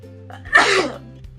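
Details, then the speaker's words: One brief explosive sneeze after a short indrawn breath, with a steady hum in the background, from a sneeze compilation; sneezing. "Oh, no. I need to sneeze. That's [Applause] whoa. I can't stop. Okay. Hey, I hate sneezing."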